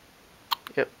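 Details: A sharp click followed by a brief voiced catch in the throat in a quiet room: a single hiccup from someone who has had hiccups for two days.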